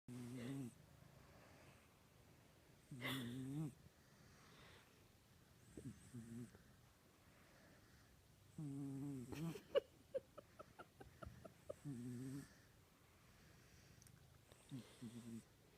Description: Snoring kitten snores while giggling wife giggles.